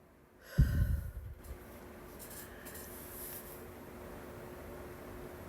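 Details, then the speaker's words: Single forceful, wet, low sneeze with spray from allergies, followed by quiet breathing and room hum; sneeze. "I have to sneeze."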